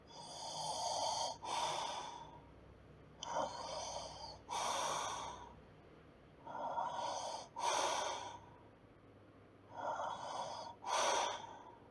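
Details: Snoring during sleep: noisy, rasping breaths in and out with a snorting quality, about 19 breaths a minute, from a relaxing sleep-sounds recording.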